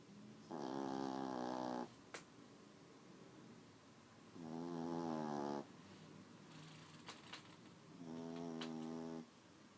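Three long, buzzing, tonal snores on breathing in, about 18 a minute, with quiet breathing between them.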